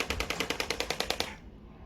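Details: Rapid, regular sharp clicking pulses, about ten per second for just over a second, then stopping, from a radial shockwave applicator squeezed along the demonstrator's own gel-coated arm, showing a technique that can cause bruising.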